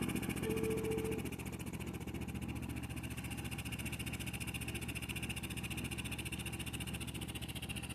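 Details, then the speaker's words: High-frequency oscillatory ventilator for a newborn, started after reset, amplitude adjusted for chest wiggle between nipple line and umbilicus and piston centered: steady rapid low buzzing vibration of the oscillator piston running continuously. "so we're resetting now we're ready to start our oscillator and we're going to adjust our amplitude to achieve wiggle between the nipple line and the umbilicus of the baby"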